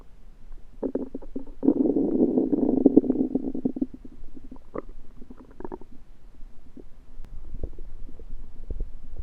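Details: Active bowel sounds (borborygmi): loud gurgling and bubbling belly noises with a long rumbling stretch, then scattered softer gurgles, recorded after eating a home-cooked meal the person suspects was undercooked.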